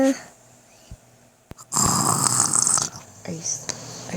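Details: Dad asleep and snoring: a loud, rough, noisy breath lasting about a second amid quiet room sounds; ordinary snoring.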